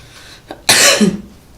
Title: Kompilasi Ultimate Batuk